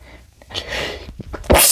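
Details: Male trying not to sneeze: breathy build-up ending in one sharp, explosive sneeze against faint room noise.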